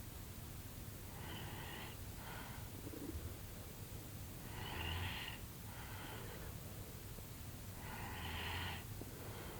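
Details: Snoring during a deep afternoon nap after a tiring morning of outdoor activity, recorded as a sleep ASMR vlog also featuring stomach sounds: faint, rough, low buzzy snoring breaths about every three seconds under steady room hiss.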